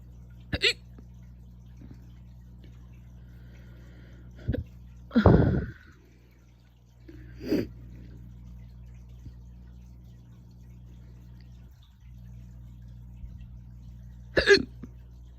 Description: Got the aggressive loud hiccups a second time that day when I was getting f ready for bed